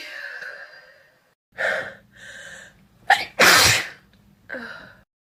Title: Bedroom lighting wet sneezes